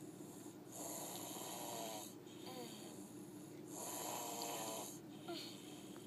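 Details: Light snoring during sleep: soft, high, whistling snore sounds on slow breaths with a steady hum in the background.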